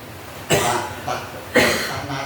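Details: Two loud coughs with a smaller one between, over room noise, in a person with cough, cold, hard stomach and dizziness.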